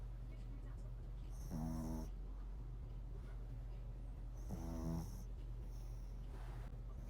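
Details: A pet dog, tagged as a puppy, asleep on a sofa. Two low, rattling snores about three seconds apart over steady room hum; the owner says it was snoring louder earlier: dog snoring.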